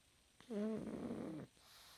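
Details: Pug fast asleep snoring: one drawn-out, vibrating snort during an in-breath.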